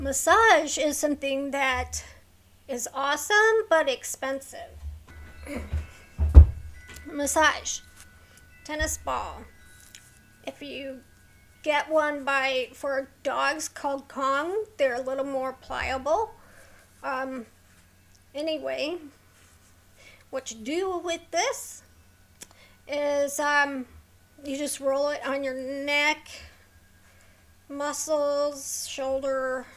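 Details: Adult woman with a neurological condition causing tremor of hands, voice and head, plus mild tardive dyskinesia; her throat has become sore from straining to talk; vocal tremor.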